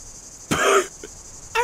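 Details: Single harsh cough burst over faint background hum, followed by a brief vocal sound, from a streamer during a video-game stream.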